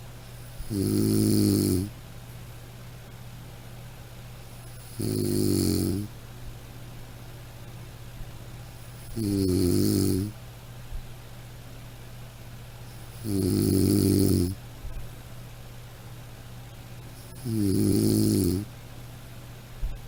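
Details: Loud, rough snores repeating about every four seconds, roughly 15 a minute, with quiet between them.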